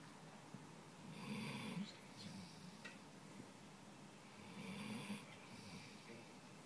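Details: Quiet, low, rattling snores on each breath in, about two in the clip, over steady room noise; ordinary snoring.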